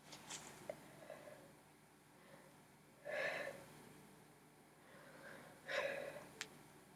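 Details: Sneezing: two sharp sneezes a few seconds apart, with soft breathing and small noises in between.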